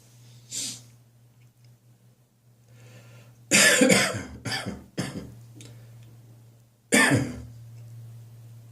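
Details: Summer morning productive catarrhal cough that has started recurring regularly in the mornings: a run of about five harsh, loose coughs with throat-clearing over a steady low hum.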